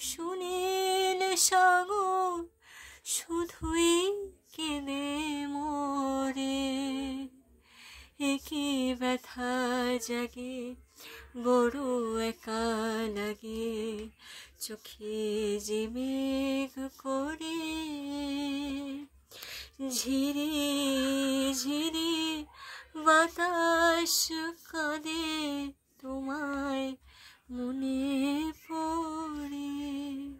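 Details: Patient singing a Bengali song with a high-pitched voice after cleft palate repair surgery; singing voice after cleft palate repair.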